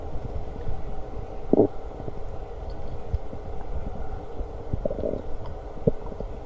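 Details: Person's stomach growling while eating lunch: low gurgling and rumbling with a few brief squeaky gurgles; borborygmi.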